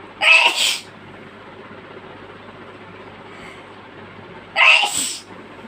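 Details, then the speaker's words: Adult woman (a mother) sneezing after chicken powder, covering her face with her hands: two loud, sharp, explosive sneezes about four seconds apart over quiet room noise. "yes this is chicken powder i'm sure you will enjoy her sneezes cover her face with her hands so let's wait hey [Music] yes"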